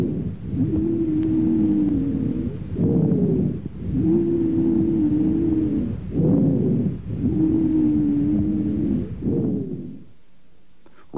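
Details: Three breath cycles in a clinical lung examination demonstration, each with continuous musical, whistling tones through much of the breath, about 18 breaths a minute: wheezes.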